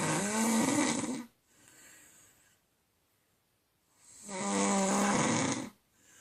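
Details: Adult woman snoring during sleep: two loud, harsh, rattling breaths in about five seconds, separated by quiet exhalation.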